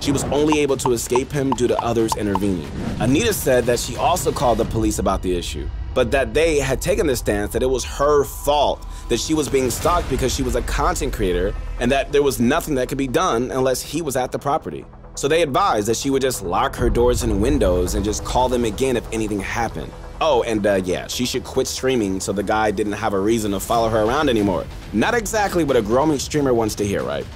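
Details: Adult male narrator; no speech disorder.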